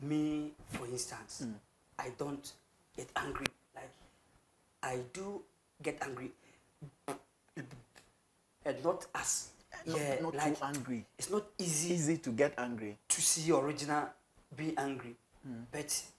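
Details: Adult male who has stammered since birth, a family trait shared with his grandfather and cousins, severe and worst on words starting with K or T, smooth when rapping or singing; stuttering (stammering).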